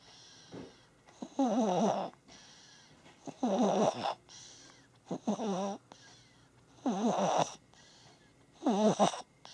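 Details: A sleeping baby gives five rhythmic, rattling snores with a wavering, vibrating pitch, about 33 a minute; infant snoring.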